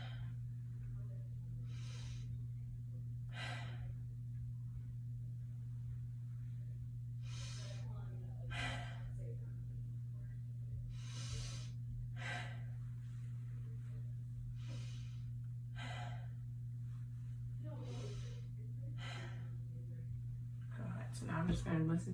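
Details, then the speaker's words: Nursing assessment, week 3: stethoscope auscultation of a well-oriented adult patient during deep breaths, front then back; about a dozen soft breath sounds over a low hum, clear in all lobes, normal breath sounds. "so all sounds in each lobe are clear okay one more and last one god everything seems sounds breath sounds are clear in all lobes"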